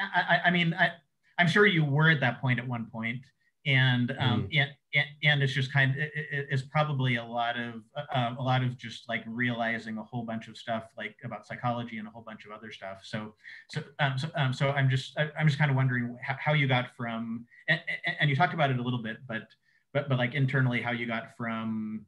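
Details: Adult man who says he has cluttering, a fluency disorder, speaking conversationally in an interview; cluttering.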